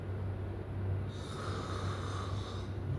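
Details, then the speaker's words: A snoring recording played back in a classroom: a low, steady rumbling snore with a rougher, breathy stretch in the middle. "Oke, bunyi apa tuh? Mengorok. Bedekur. Bedekur. Mengorok itu apa? Itu bedengkur. Iya, bedengkur."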